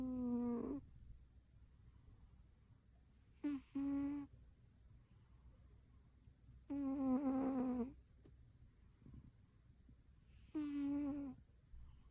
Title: Cat Snoring Super Cute